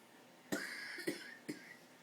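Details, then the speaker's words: Kitten about seven to eight months old, usually not a sneezer, sneezing after his nose was tickled: three quick, sharp bursts of air in a quiet room. "he's allergic to jay you don't usually sneeze he tickled his nose"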